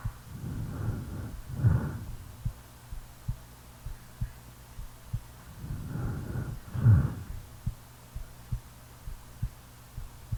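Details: Real recording of a person sleeping: soft, regular, low heartbeat thumps at about 70 a minute under two slow, deep snoring breaths; a normal heartbeat.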